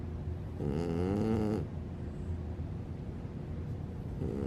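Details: French Bulldog snoring like an old man: one long, rough, rattling snore on the in-breath, then quieter breathing and the start of another; snoring.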